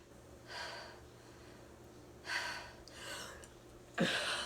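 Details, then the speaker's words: Three harsh, effortful gasping breaths a few seconds apart in a woman with cystic fibrosis on antibiotics, sitting on the bathroom floor after a coughing fit with coughing up blood: gasping breaths after a coughing fit. "sitting on the bathroom floor sweating coughing up until you're throwing up or coughing up blood in this case it's just"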